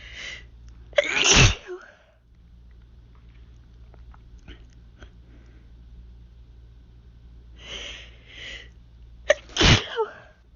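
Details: Hay fever sneezing: two forceful sneezes, each preceded by a sharp in-breath, in a quiet room.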